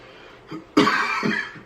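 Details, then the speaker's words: Simulated cough in a comedy skit: an adult man gives a short run of about three coughs. "dog, you see homie coughing over there? I don't know what's going on, bro."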